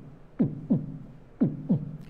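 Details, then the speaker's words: Normal heart sounds: two regular paired low thumps, lub then dub, at about 60 beats a minute; first sound (lub) from closure of the tricuspid and bicuspid valves. "যে দুইটা শব্দ তোমরা শুনতে পাচ্ছ দুইটা শব্দের প্রথম যে শব্দটা এই প্রথম শব্দটাকে আমরা বলি লাভ শব্দ আর দ্বিতীয় শব্দটাকে বলি হচ্ছে ডাব"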